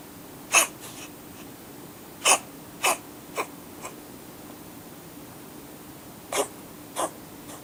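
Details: Siamese cat sitting on a fan heater with its tongue out gives six or seven short, sharp, airy hacking coughs in irregular bursts over a steady mechanical hum; unusual cat cough.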